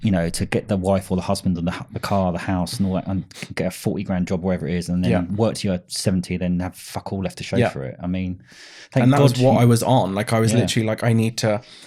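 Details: Adult male speaker; normal speech.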